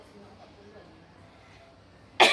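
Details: Cough demonstrated by a midwifery student showing cough etiquette, covering the nose and mouth with a tissue or handkerchief while coughing.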